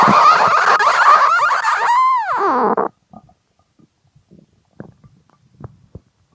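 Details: Extremely hungry stomach growling: a loud, gurgling growl with a sweeping, whining pitch for about three seconds, then soft scattered gurgles; normal hunger borborygmi.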